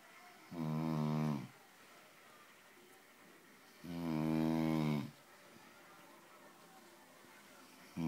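Loud, regular rumbling snores, about 17 a minute, with quiet out-breaths between them; heavy adult snoring.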